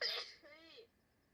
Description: 女の子のくしゃみ。